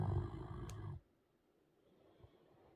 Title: Sleeping puppies, light snore